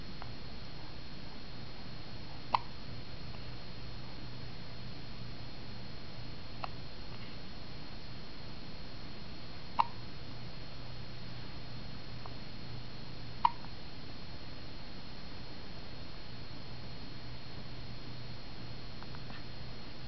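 Three brief, sharp hiccups spaced several seconds apart over about 20 seconds, against a steady low room hum.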